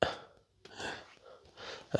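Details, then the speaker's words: Adult's stomach growling (borborygmi) after lunch, recorded while walking through a shop: irregular gurgling, rumbling bursts with quiet gaps and faint room noise. "my stomach growling. I don't know why."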